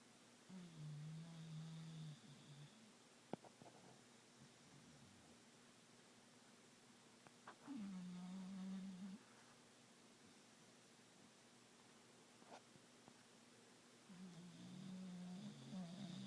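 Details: Sleeping Bully dog snoring: soft, low humming snores a few breaths apart in a quiet room.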